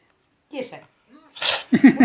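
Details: A cat sneezing like a human: one short, forceful sneeze with a human-like quality, a person quietly coaxing nearby.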